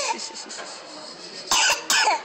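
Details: Two loud, harsh coughs from a young child in a library, after a stretch of noisy background sound; a plain cough.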